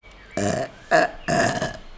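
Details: VTuber burping: three loud, low, voiced belches in quick succession, with faint room hum between them; ordinary burping.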